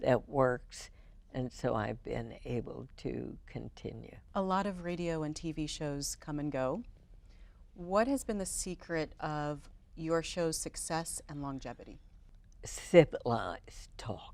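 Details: Adult female speakers in conversation; normal voice.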